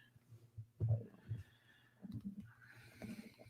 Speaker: my stomach growling if you can't hear it